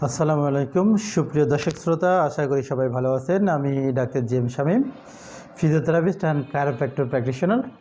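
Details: Adult man speaking Bengali; normal speech.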